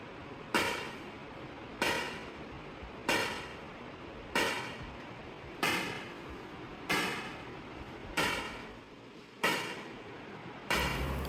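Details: ESWL lithotripsy on a patient with a right kidney stent and residual stones after surgery, focused on a mid-pole stone: sharp, evenly spaced cracking snaps, about 47 a minute, over steady room hum; shock waves.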